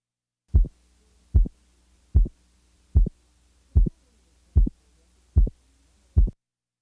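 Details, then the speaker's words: Regular heartbeat near 75 a minute with a clearly doubled second heart sound, split about 75 milliseconds, heard at the left base with the diaphragm chest piece. "now listen to a second sound splitting at 75 milliseconds"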